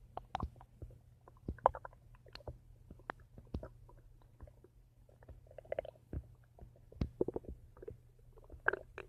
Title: My Stomach Making Noise